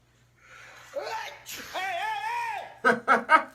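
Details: Comedian's exaggerated, comic imitation sneeze: rising voiced wind-up with a drawn-out vocal sound, then three short sharp bursts; staged, not a real sneeze.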